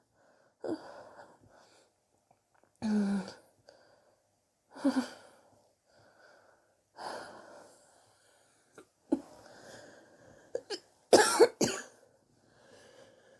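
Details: Several separate harsh, partly chesty cough bursts with pauses, from someone coughing for weeks and sore from it; chest X-ray pending to check for pneumonia; suspected bronchitis.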